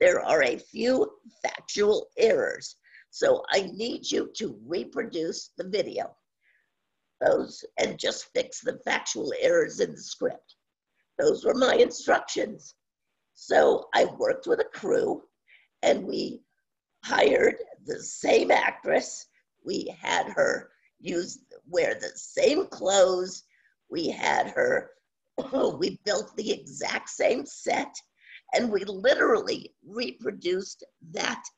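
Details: Woman with spasmodic dysphonia, worsening since about 2010, treated with Botox shots, no cure; scratchy voice; spasmodic dysphonia.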